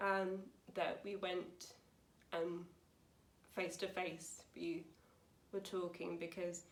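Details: Young woman, 28, with aphasia after a severe stroke at school in 2009 at age 18, about nine years on; aphasia.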